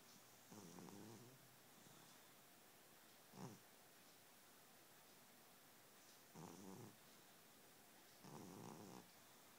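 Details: Overweight pet cat snoring while asleep: soft, fluttering snores about every two to three seconds over background room hiss.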